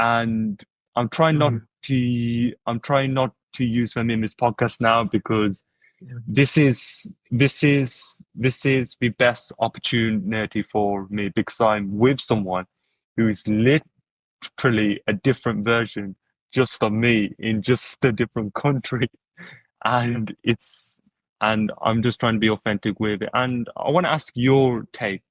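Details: Adult who stutters, with word repetitions: stuttering.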